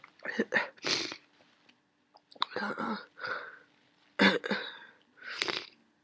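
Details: Sneezing and sniffling from a worsening common cold: several bursts of sneezing and sniffing with nasal snorts between them.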